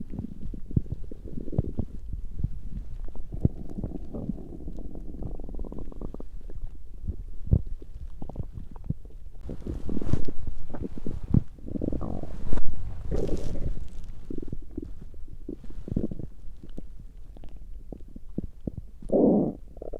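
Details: Stomach growling, mostly digestive rather than hunger sounds: low, irregular gurgling and rumbling with a louder burst partway through; active bowel sounds.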